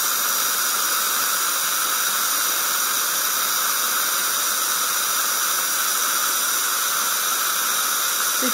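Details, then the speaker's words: Steady high-pitched hiss and whine with water spray: an ultrasonic scaler's flushing action removing plaque and tartar deposits from the teeth during a dental cleaning. "so this flushing action is removing all the deposits from chees quickly gently and"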